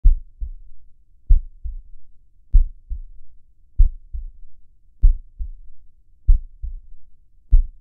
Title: Slow HeartBeat